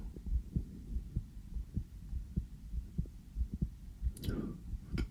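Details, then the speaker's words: Soft, fairly quick heartbeat, roughly 95–100 a minute, heard through a sensitive stethoscope on an adult's own chest just after coming in from outside, rustling near the end; real, normal heart sounds. "제가 방금 밖에 나갔다 와가지고 심장이 조금 빨리 뛸 수도 있어요."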